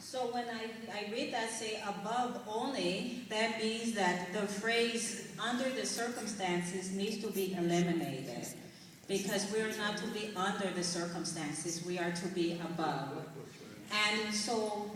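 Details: Adult woman with foreign accent syndrome of sudden onset in November 2004 after a night-time episode she felt was like a heart attack or stroke, now heard as a foreign (taken as Jamaican) accent; no diagnosis found; six months of speech therapy; cognitive impairment, right-sided weakness.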